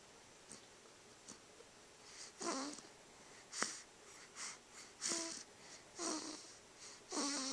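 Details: A cat sleeping happily and snoring lightly: soft, irregular snuffling breaths with faint wheezy squeaks, about five in seven seconds, in a quiet room.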